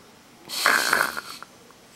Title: cocoa the chow chow snoring LOUDER